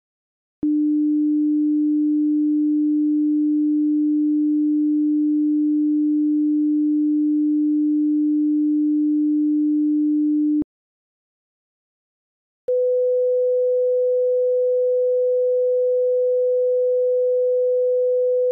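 Two steady pure tones, a lower one for about ten seconds, a pause, then a higher one: simulated pure tone audiometry hearing test tones.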